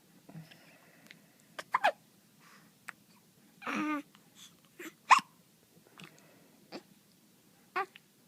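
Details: Person with hiccups: sharp, sudden catches of breath, about eight over several seconds at an uneven pace, with a soft voiced sound between them.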